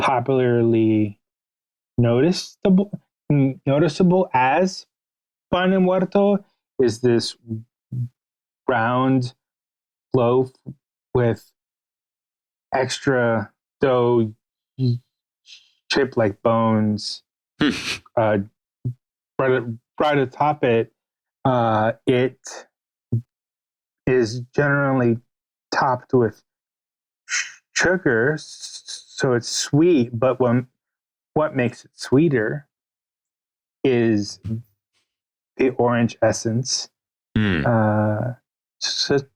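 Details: Adult male writer with a stutter, stated by the interviewer, speaking in an interview, with pauses and blocks between words; stuttering.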